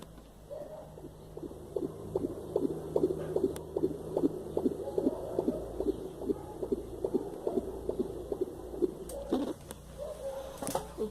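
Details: Rapid, regular whooshing fetal heartbeat at 15 weeks of pregnancy, picked up on a Doppler, about 145 beats a minute, within the normal range.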